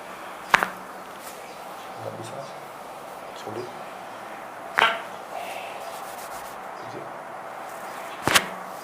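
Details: Chiropractic full-body adjustment, possibly for L5–S1 disc bulge or back pain, patient told to breathe out and relax during manipulation: three sharp cracking pops with softer thuds between; joint cavitation.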